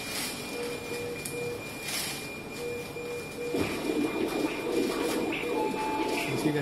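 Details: Middle cerebral artery Doppler via transtemporal window, demonstrating colour Doppler and resistive index measurement (RI about 0.825): rhythmic whooshing arterial pulses, about 140 a minute, over background music.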